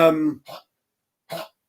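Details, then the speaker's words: Pet dog coughing in the background: one voiced, hacking cough followed by two short, dry coughs. "one of my dogs is a cough i don't know if you hear that back"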